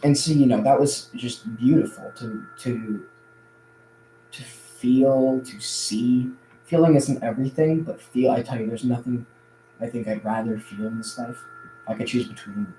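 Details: Adult male who says he stutters a lot more now than in the past; audible word repetitions; stuttering.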